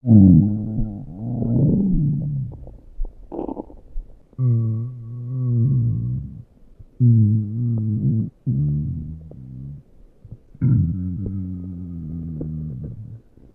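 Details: Stomach growling: low, drawn-out rumbling and gurgling tones in bursts, with music in the background.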